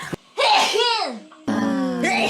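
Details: A short, sharp sneeze with a high voiced burst, then laughter-like sounds; an ordinary sneeze.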